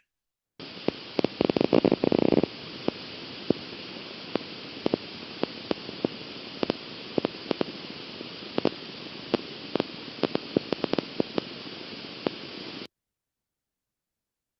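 Steady hiss broken by sharp clicks at unpredictable intervals, with long pauses and rapid bursts: irregular firing of endplate spikes on needle EMG.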